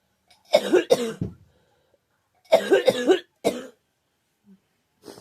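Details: Girl with a scratchy, sore throat who thinks she is getting a cold: two bouts of voiced, hacking dry coughs, about six in all, with a throaty catch.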